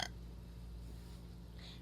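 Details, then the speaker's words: Child with hiccups while packing: a single brief, sharp hiccup-like burst followed by quiet room noise; hiccup combined with small belch, which the child says hurts. "is why i hate hiccup burps so much hmm they hurt first of all and it embarrassed me when people look at me"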